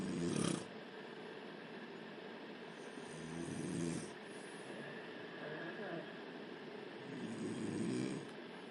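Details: Woman asleep in pajamas with the lights on, snoring: soft, rough snores recurring with each breath against steady room noise; ordinary snoring during sleep.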